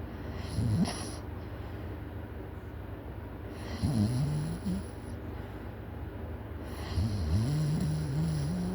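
Loud, rough, rattling snores recurring every few seconds with each breath in, over steady low background hum.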